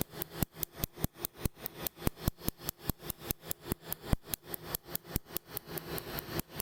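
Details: Rapid sharp snapping clicks, about one per second with faster bursts, over a low steady hum: a laser tattoo removal device firing, starting at the top of a woman's chest tattoo, second session.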